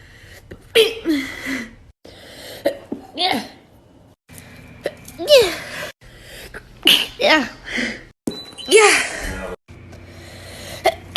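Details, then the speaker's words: Several sharp explosive sneezes from different people, with brief talk and background music between, from a TikTok sneezing compilation; ordinary sneezes. "Sorry, I sneezed a little there."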